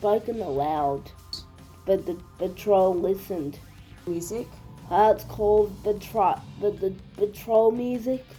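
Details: Speaker with cerebral palsy reading a story aloud; no specific speech disorder is stated; speech with cerebral palsy (dysarthria).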